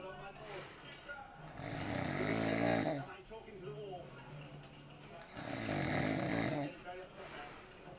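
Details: Drunk adult man (dad) snoring after far too much beer: loud, rough inspiratory snores about four seconds apart with quieter breathing between.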